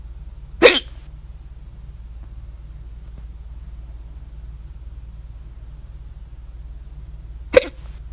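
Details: Hiccups at 3:04 A.M. after overeating at dinner the previous day, recorded with mouth alternately closed and open (very loud ones with mouth open): two sharp, abrupt gulping hiccups about seven seconds apart.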